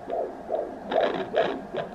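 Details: Home fetal Doppler at 20 weeks of pregnancy, gel on the bump, baby moving: rapid, regular whooshing pulses about 140 a minute, a normal fetal heartbeat.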